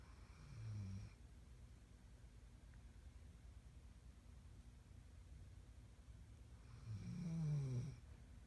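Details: Snoring: two low, rumbling snores on inhalation about seven seconds apart, with quiet room noise between them.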